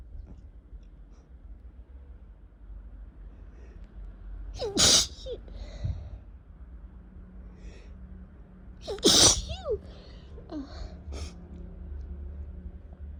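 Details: Spring sneezing in a person who suspects allergies and has also had a cough for two weeks: two loud, explosive sneezes, each with a sharp intake of breath before it, over quiet room noise.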